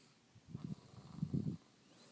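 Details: Baby snoring in sleep: two soft, low, rattling breath sounds, a brief infant snore.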